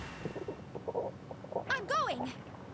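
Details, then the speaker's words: Adult's stomach gurgling, heard by microphone: soft bubbling rumbles followed by squeaky, sliding gurgles, ordinary bowel sounds (borborygmi). "Ooh, tell me you didn't hear that microphone. My stomach just gurgled a bit."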